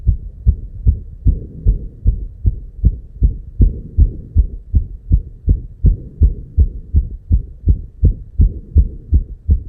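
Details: Heartbeat at 290 BPM, a real heart sound: fast, regular, low thumping far quicker than a normal resting rate; tachycardia.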